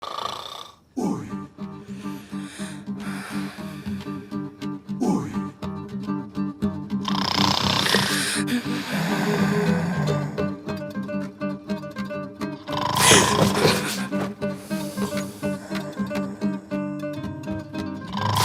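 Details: Acted loud, rattling snores recurring every few seconds over steady background music, from a TV drama scene: simulated snoring.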